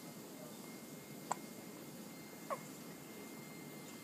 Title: has the hiccups